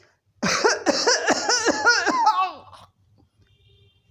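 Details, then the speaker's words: Imitated cough ending in vomiting, as in children, bringing brief relief: coughing first, then the bout ends with vomiting; homoeopathic cough-type demonstration (Mephitis). "उल्टी, खांसी पहले, उसके बाद में उल्टी के साथ में खांसी का एंड होता है। खांसी उल्टी के साथ में ख़त्म हो जाती है और थोड़ी देर के लिए बच्चों को आराम मिल जाएगा।"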